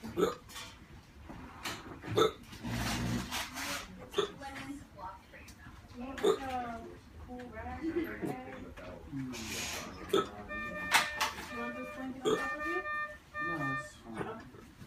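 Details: Male with persistent hiccups on day 8 who later went to hospital when breathing became difficult: sharp, abrupt hiccups recurring about every two seconds.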